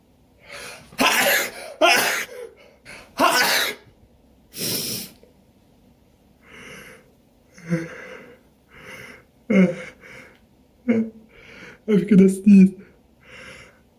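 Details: Allergic sneezing fit with itchy nose and eyes: a run of forceful sneezes in quick succession, followed by gasps and snorting breaths.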